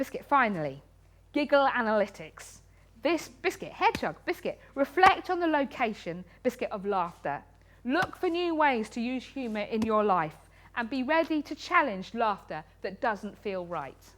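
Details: Vocal tics from Tourette syndrome in an adult woman with frequent involuntary vocal tics, including coprolalia, ticcing while giving a lecture.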